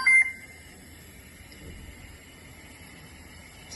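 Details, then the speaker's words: Airvo 2 high-flow nasal oxygen machine, after an alarm problem is resolved: a single short electronic beep, then quiet room hum, as it self-checks and returns to the home screen. "once the problem is resolved the machine will automatically do a self-check sound and revert that to the home screen"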